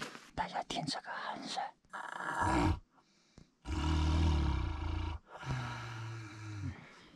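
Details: Loud, rough, low-pitched snoring with long rattling inhalations from several sleepers in a shared dormitory bunk room at a 3000 m mountain camp, at night; snoring.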